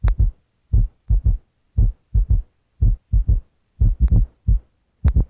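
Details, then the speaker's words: S3 gallop in a heart exam: slow, low-pitched heartbeat with an extra sound early in diastole right after S2, galloping like 'Ken-tuc-ky'. "Because this low-pitched sound happens right after S2, it produces a galloping rhythm, as in the word Kentucky."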